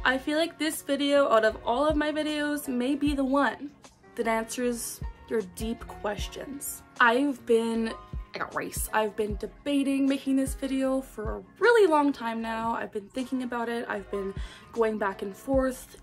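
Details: 25-year-old woman with Tourette syndrome, diagnosed at 12 and ticcing since she can remember; one of her most common vocal tics interrupts her speech; vocal tic (Tourette syndrome).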